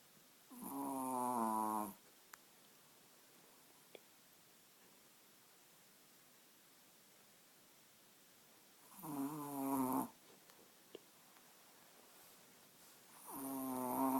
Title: Den snarkande chihuahuan / snoring chihuahua